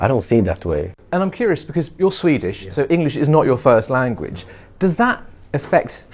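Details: Adult interviewer speaking; no speech disorder.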